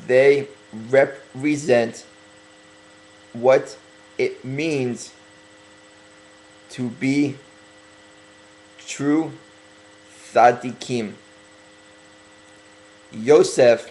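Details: Stuttering in a male speaker who is working on his stuttering and deliberately talking slower to correct it.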